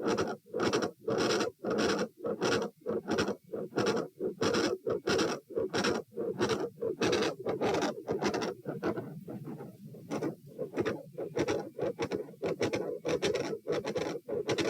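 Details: Very loud heart murmur at the aortic area (position A), recorded standing and sitting, heart rate 120 bpm.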